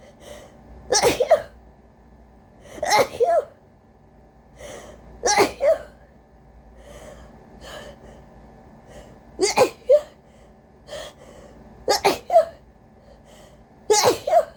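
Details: Person with a cold and a very sensitive, congested nose, deliberately induced rapid-fire sneezing: about seven forceful sneezes in quick succession with sharp in-breaths between.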